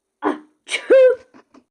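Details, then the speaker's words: Imitated sneeze performed during a children's book read-aloud: a sharp in-breath then a loud voiced "ah-choo" burst; simulated sneezing, not a real patient. "sneezing. Oh no. What if What if What if pigs make me sneeze?"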